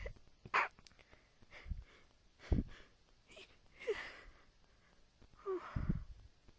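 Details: Deliberately induced sneezing recorded on a phone: several soft, stifled sneezes with breathy intakes between them, with faint room noise.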